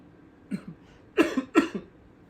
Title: Luluzinha does not like anybody coughing in front of her😄🥰